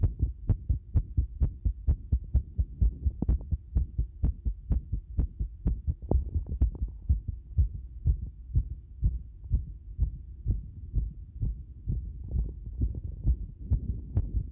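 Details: Fast heartbeat, roughly 120–130 a minute, with many beats uneven in spacing and strength: an irregular heart rhythm (arrhythmia).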